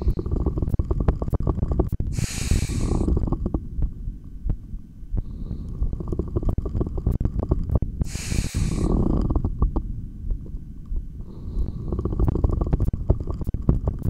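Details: Bowel sounds (borborygmi) heard through a stethoscope in a single unedited recording of breath-holds with heartbeat audio: continuous low rumbling and gurgling stomach growls, with two breath sounds.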